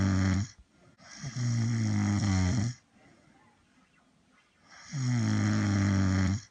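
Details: Person who fell asleep snoring, replayed from a Dubsmash clip in a compilation: two loud, deep, droning snores with a buzzing rattle, separated by a quiet pause.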